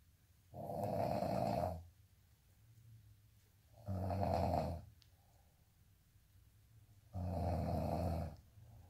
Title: day in life snoring asmr sound 227